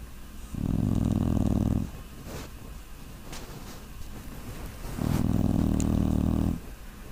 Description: This is our puppy Brute snoring, you can't see the picture very well but the audio is good.